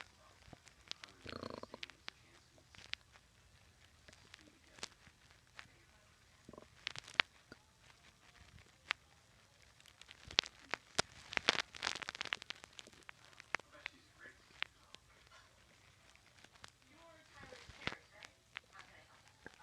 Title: Stomach growls while watching tv 2